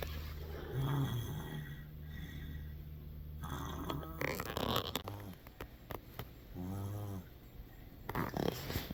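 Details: Low, rattling snores with one louder buzzing, tonal snore near the end, keeping the listener awake at bedtime: ordinary snoring.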